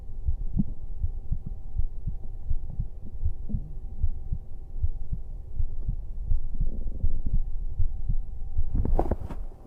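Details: A man's own heartbeat, played on a livestream while he lies down to sleep: a steady, muffled lub-dub at about 79 per minute over a low hum, then a brief rustle; normal heart sounds.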